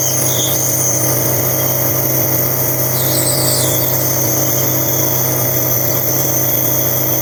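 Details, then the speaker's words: 9-month-old baby with over a week of cough and colds, asleep during a 10 pm nebulizer treatment: a steady, droning mechanical hum with a high whine throughout from the running nebulizer compressor. "gabi na guys pero kailangan kong magp nebul sa aking baby kasi meron siyang upo at sipon so alas Anong oras na 10:00 na ayan inb ko siya tulog siya maingay lang ung Med live sir kang mag-ano ha"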